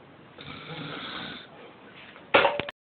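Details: Father snoring in sleep; a rough, fluttering snore lasting about a second on the in-breath, then a sharp snort, ordinary snoring.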